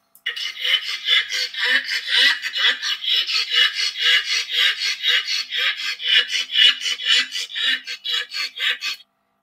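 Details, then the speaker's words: Pug after a 3-minute exercise test: rapid, high-pitched rasping breaths like sawing wood, about 120 a minute, with a faint lower tone; laryngeal stridor. "It can be tricky because owners don't always recognize when their dogs are not recovering properly. So this is a little pug who's done a 3-minute exercise test."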